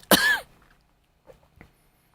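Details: Adult with a cold and a wheezy throat, during a guided meditation: a single short voiced cough or throat clear, then near silence in a quiet room.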